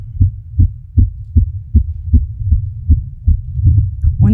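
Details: Fast heartbeat of a girl at roughly 150 a minute, regular low quick thumps; volume increased, very sensitive microphone; pulse accelerates at first, then she calms down a little.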